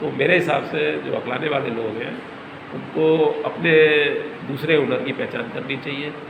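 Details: Adult male speaker; stuttering.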